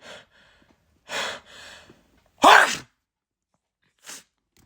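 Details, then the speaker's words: Sneeze induced by humming with something held to the nose while trying to keep the eyes open. "Oh my gosh, I'm going to sneeze. I'm going to sneeze."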